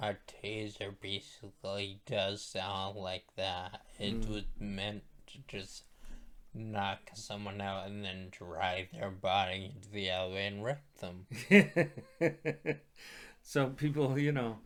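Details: Dysarthria after stroke in a male stroke survivor, who attributes his voice to his stroke.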